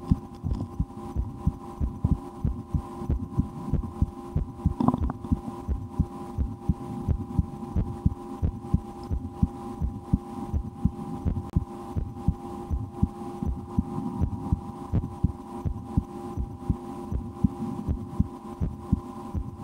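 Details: Own heartbeat heard through a stethoscope while trying to make it go faster and holding breath a couple of times: rapid, steady, muffled thumps over a background hum; normal heart sounds.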